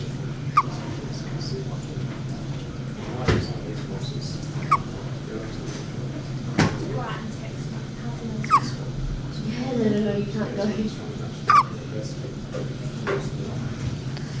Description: My 26 weeks gestation premature baby hiccups.